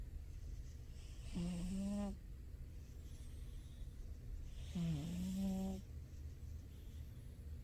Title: my cat snoring! turn up the volume! #cat #funnycats #silly #cat #cats #sleeping